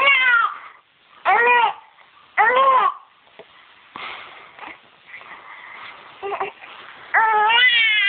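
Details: 9-week-old infant girl crying while having hiccups: short, high-pitched wailing cry bursts with fussing sounds between them.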